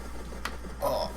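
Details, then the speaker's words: Adult, who says they are old, during gaming: a single sharp pop from the knee over faint room and game noise; knee joint popping (crepitus). "I hope you guys didn't hear that that was my knee popping because I'm old"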